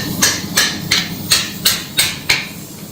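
Seven sharp, regular metallic taps about a third of a second apart: mallet blows driving an osteotome to cut the fibula.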